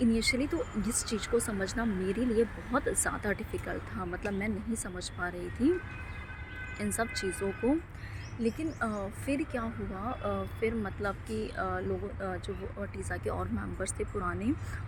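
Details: Woman with stammering since school, with blocks and avoidance of speaking to strangers, working on accepting it; stuttering.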